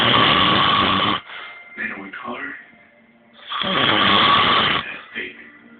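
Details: Measha, described as high, snoring: two long, loud, rattling breaths about two seconds apart separated by quieter breathing, with background music; heavy snoring.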